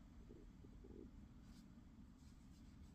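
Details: Adult's tummy rumbling and grumbling picked up during a crochet tutorial on a humid day: bowel sounds (stomach rumbling).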